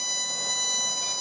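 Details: Steady high electronic tone with faint hiss from a surgical CO2 laser firing during bloodless lower-lip reduction on a Caucasian patient, removing excess mucosa.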